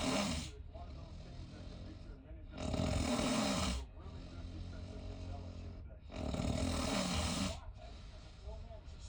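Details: Adult sharing a cruise cabin: loud, rough, rattling snores on each in-breath, about 17 a minute, with quieter breathing between; ordinary snoring.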